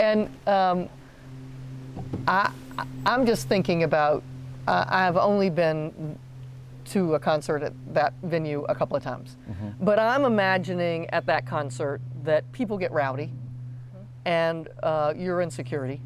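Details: Adult speaker in conversation; ordinary speech.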